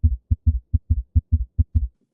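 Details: Heart failure: low-pitched heart sounds with a subtle extra beat right after S2, giving a three-beat galloping rhythm, from blood rushing into a volume-overloaded failing ventricle: an S3 gallop.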